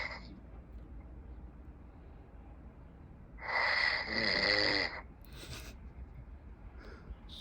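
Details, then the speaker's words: Sleeping man snoring loudly while others call his name trying to wake him; they joke that he answers in snores. "لا ترجم لكم. يحكي بالشخير."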